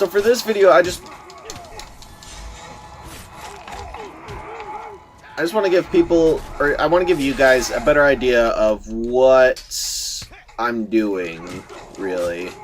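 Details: Stuttering in a male speaker who says he stutters a lot; word repetitions are heard in this stretch.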